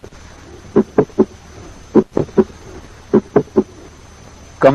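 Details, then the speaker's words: Mid-systolic click due to mitral valve prolapse: a high-pitched click best heard at the apex, about 150 ms after the first heart sound. Teaching recording. "Now let us listen to a mid-systolic click due to mitral valve prolapse. Mid-systolic click is a high-pitched sound best heard at the apex, occurring about 150 milliseconds after the first heart sound."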